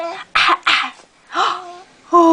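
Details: Infant gives two short, deliberate fake cough bursts between voiced cooing sounds, done playfully to get a reaction.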